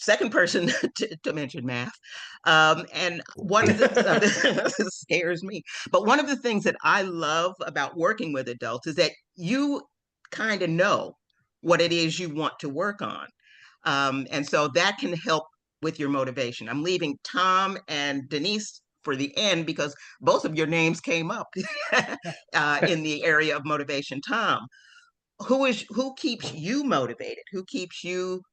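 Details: Adult woman speaking to a group; normal fluent speech.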